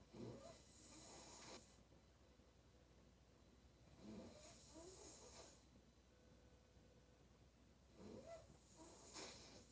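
Soft, rattly snores on each breath in, about 15 breaths a minute, with quiet hiss between.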